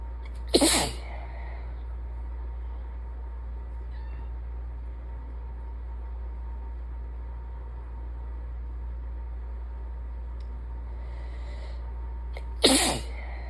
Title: 7/16 - end of a sinus infection: congested, sick-y sneezes pt. 1